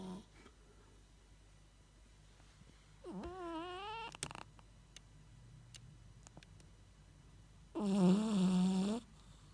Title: cat snore when sleep !!!